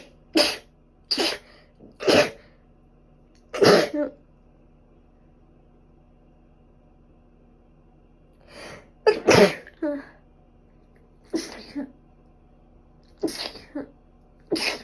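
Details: Repeated forceful sneezes, about ten over fifteen seconds, some with a short breath in before, from a person with a bad cold, allergic rhinitis, runny and stuffy nose, and five days of fever.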